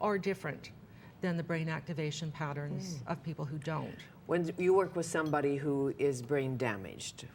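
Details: Adult woman speaking; typical speech.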